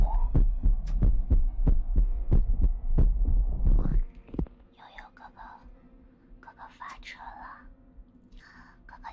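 Regular low thumps for about four seconds, roughly 90 a minute, then soft mouth sounds and tapping: a heartbeat.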